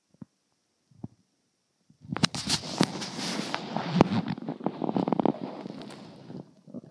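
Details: A few faint clicks, then sustained irregular gurgling and bubbling rumbles with sharp pops, fading at the end, from an adult's abdomen: stomach growling, bowel sounds (borborygmi).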